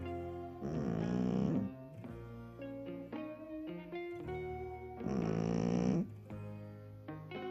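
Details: Shih Tzu dog: two rough snoring breaths over loud background music.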